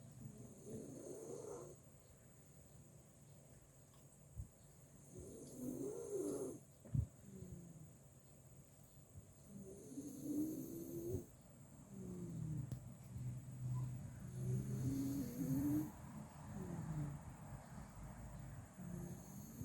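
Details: Sleeping Miniature Schnauzer with really loud, persistent snoring: low, rough rattling sounds recurring every few seconds with each breath over steady room hum.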